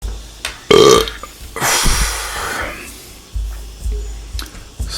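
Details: Acted roleplay burping by a male Tarzan character who says he just ate a wild boar: a loud, drawn-out belch, then a second long rumbling burp, with faint background music.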